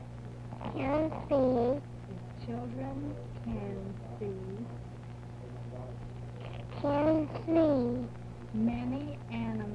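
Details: Speech sample recorded during a cineradiographic (X-ray) examination of the velopharyngeal mechanism, demonstrating good velopharyngeal closure; normal resonance with good velopharyngeal closure.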